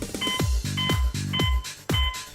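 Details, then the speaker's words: Eazy PRO AED with ECG display: steady electronic metronome beeps, about 105 a minute, over music. They pace CPR chest compressions after a shock while the screen shows time left in the two-minute compression and ventilation cycle. "the easy Beeps in order to help establish the right frequency of CPR compressions and display the time remaining until the next cycle on the screen"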